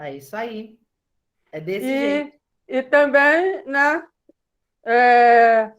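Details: Adult woman speaking Portuguese; unaffected speaker.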